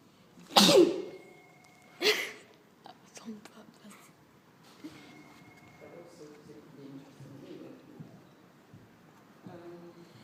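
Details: Two loud, staged sneezes a second apart in a silent library, followed by faint talk; sneeze.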